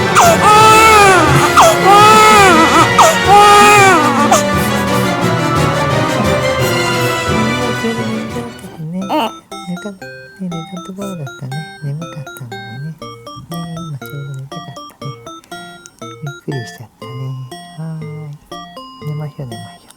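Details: Loud rhythmic crying from a one-day-old newborn girl, startled awake by a loud knocking as she was falling asleep, over background music; then the crying stops and only music continues.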